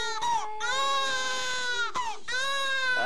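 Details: Newborn baby boy crying loudly and strongly in repeated bursts with brief catch breaths; a vigorous newborn cry.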